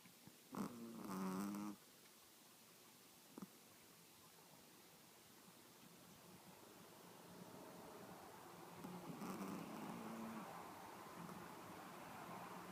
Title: Snoring Pomeranian